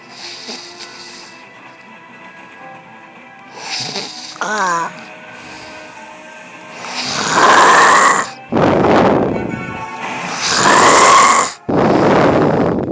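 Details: Adult wife snoring: loud, harsh snores with a whistling, honking quality on each breath, over faint background music.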